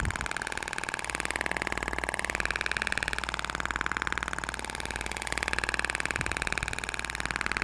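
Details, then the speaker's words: Thork shockwave therapy device in a practical demonstration: the applicator is positioned and fires with a back-and-forth movement, avoiding bony regions. Rapid, even clicking pulses at about 4 per second over a steady motor hum. "então eu vou posicionar o aplicador vou iniciar os disparos faça um movimento de vaivém"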